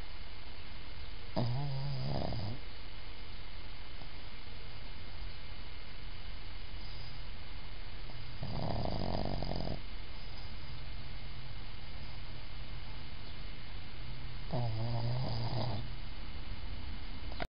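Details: Pug (dog) snoring while asleep during a face massage: three loud, rattling snores about six seconds apart over a steady background hum.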